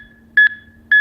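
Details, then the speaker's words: Adult CPR with an AED giving real-time feedback: two short, steady electronic metronome beeps over a faint hum pacing chest compressions, overlapping hands pressing down mid-chest in time with the metronome. "place overlapping hands in middle of chest press directly down on the chest in time with metronome remain calm when performing CPR"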